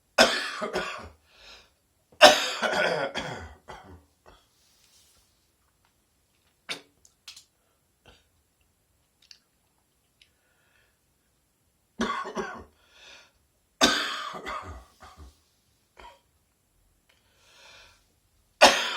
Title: Chesty Morning Cough 1